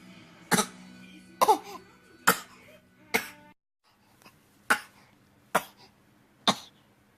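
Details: Infant with a persistent, all-day cough after both his 2-month and 6-month DTaP vaccines, plus a recent egg reaction with hives. Seven short, sharp coughs about one second apart.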